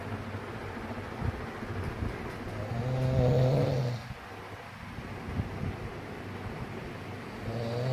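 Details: A man snoring loudly in his sleep for a second night in a row: a low rumbling snore rising to a louder buzzing breath near the middle, over steady room noise; ordinary snoring.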